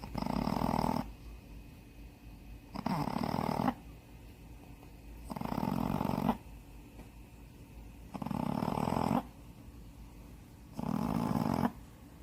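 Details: Snoring in a sleeping Shih Tzu dog, estimated 7–8 years old, blind in the left eye, after nostril-widening surgery: five loud rasping snores on the in-breaths, about 25 breaths a minute, with quiet out-breaths between them.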